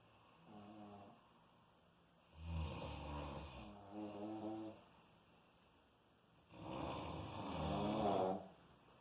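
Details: Loud, rumbling snores on each in-breath with quiet pauses between; habitual heavy snoring.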